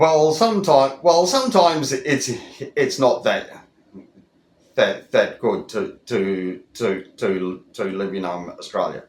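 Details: Adult, over 25, who stutters, with word repetitions; stuttering.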